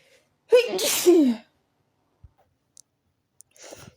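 A single loud sneeze with a sharp inhaled build-up, followed by quiet sniffs and breathing.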